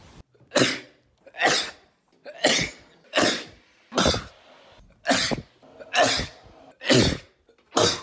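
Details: Adult recording his own sneezes: nine sharp, explosive bursts about a second apart, each with a brief intake before a loud, hissing expulsion, a run of separate sneezes.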